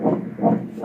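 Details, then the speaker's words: Ultrasound Doppler at 25 weeks' pregnancy, cephalic fetus, anterior placenta, estimated weight 826 g: rapid whooshing fetal heartbeat pulses about 147/min, normal rate. "এটাও ভালো আছে আলহামদুলিল্লাহ heartbeat আর আসছে 147 মানে হচ্ছে normal"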